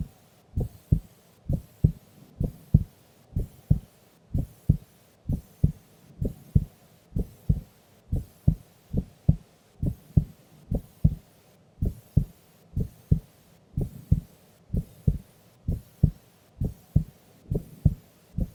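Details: Female recorded asleep during an afternoon nap in a quiet room: clear, steady lub-dub heartbeat at about 63 beats a minute; normal heart sounds.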